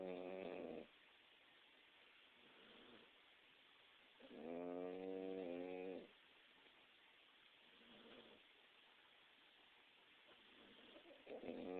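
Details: Rhythmic voiced snoring sounds on breathing, with one longer loud snore and softer ones between, from a sleeping pet; snoring.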